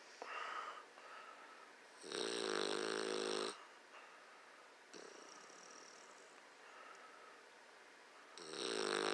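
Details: Sleeping bulldog snoring: loud rattling snores about every six seconds, with softer whistling breaths between.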